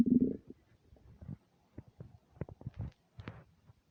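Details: Empty-stomach rumbling recorded without a microphone: short gurgling and bubbling bursts with quiet gaps, a normal bowel sound (borborygmi).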